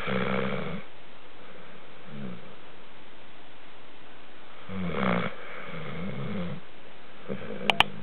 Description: This is a video of my dog Sharky snoring.